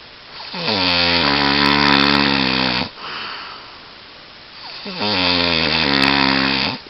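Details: Loud snoring that keeps a listener awake: two long, rattling snores, each drawn on a breath in, with a quiet breath out between.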